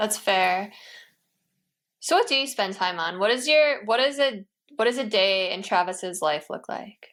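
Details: Adult speaker; normal speech.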